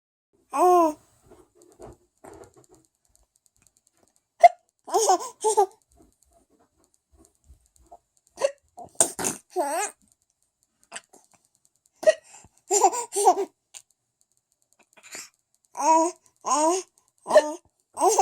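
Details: Infant with hiccups: brief sharp hiccups in a quiet room, mixed with the infant's laughing and voiced bursts.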